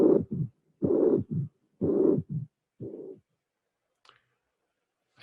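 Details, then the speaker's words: Slow heart cycles about 60 a minute in mitral regurgitation: a long systolic regurgitant murmur, a third sound, then a very short low-frequency rumble, a relative mitral stenosis flow murmur from excess mitral inflow without true stenosis. "i hope that you appreciate the fact that after the third sound there is a a small murmur very short low frequency different from the regurgitan jet"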